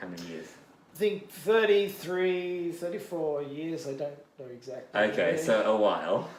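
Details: Adult male bilingual (English and Japanese) stroke survivor, stroke during heart surgery four years earlier, with expressive aphasia in both languages: word-finding difficulty, circumlocution, cognitive fatigue; language reportedly fell to about 50-60 percent, gradually improving; expressive aphasia.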